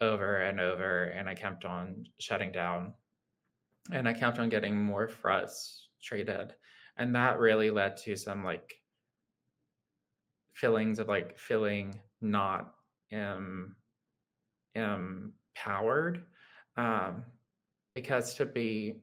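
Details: Adult man with lifelong childhood apraxia of speech, a neurological motor speech disorder; childhood apraxia of speech.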